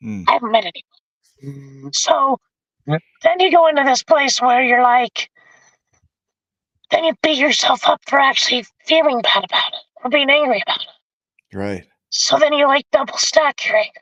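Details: Adult man with vocal cord paralysis from a severe injury (lungs three-quarters full of blood); tracheostomy removed after 2 months; scope later still showed paralysed cords; over 25 years since onset.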